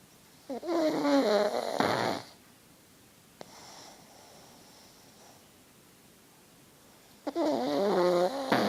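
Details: Pug snoring during sleep: two loud, rattling, throaty snore bursts with a long quiet gap between them.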